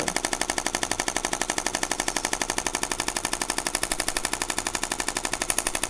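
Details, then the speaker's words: Shockwave therapy device applied to the foot of an adult man with bilateral plantar fasciitis, right side likely worse: rapid, very regular mechanical clicking pulses, about four per second; shockwave device in operation. "and let's turn on the shock wave. Okay, so shockwave, it uses sound waves to penetrate through the skin and break up the tissue underneath."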